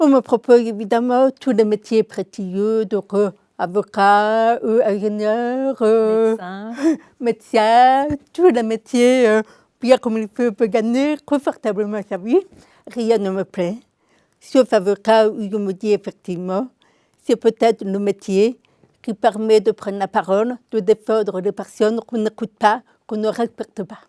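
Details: Adult woman, deaf since birth, diagnosed at 9 months; she was told she would never speak and learned speech through 20 years of speech therapy, three sessions weekly; she says her deafness is audible; deaf speech from congenital hearing loss.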